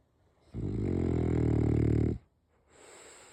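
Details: Sleeping French Bulldog snoring: a loud, low, rattling snore on the in-breath lasting about a second and a half, followed by a softer breath out.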